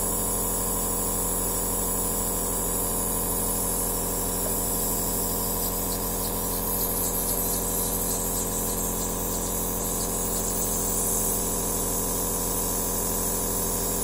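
Steady, loud mechanical buzzing hum with a fast regular pulsing and a hiss on top: a compressor nebulizer running continuously.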